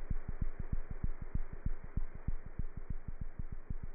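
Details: Cat heart sounds through a stethoscope: fast, very regular heartbeat thumps, about 190 a minute, over a steady hiss.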